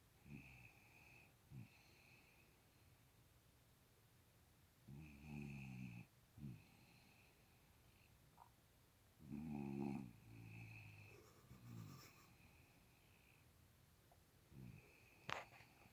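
Soft, irregular snorting snores from a sleeping puppy, with faint short snuffles between breaths and a quiet whistle-like background tone.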